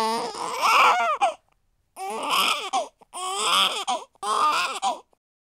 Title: baby cry sound